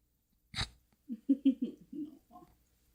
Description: Just a tiny piglet with the hiccups.